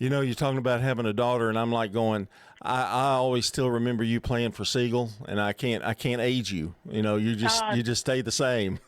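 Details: Adult male speaker; Normal conversational speech.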